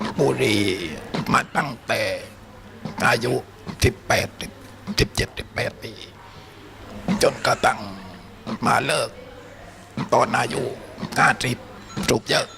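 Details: Adult man, smoker from youth until age 50, who lost his larynx to laryngeal cancer (laryngectomy), speaking at a seminar. Alaryngeal speech after laryngectomy.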